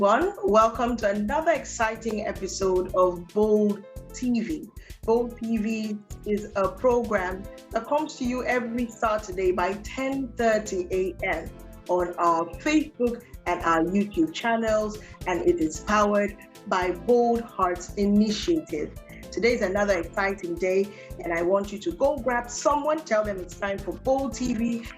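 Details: Adult woman, program host; typical speech.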